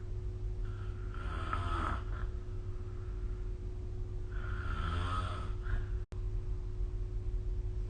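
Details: Sleep snoring recorded with the SnoreLab smartphone app: two slow, rumbling inhaled snores a few seconds apart over a steady low background hum.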